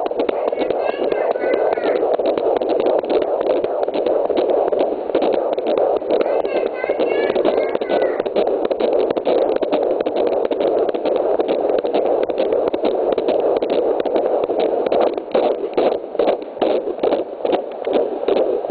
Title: Fetal heartbeat 23 weeks 0 days